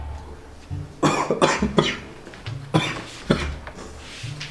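About five harsh, dry cough bursts from an adult acting in a comedy skit, over soft background music.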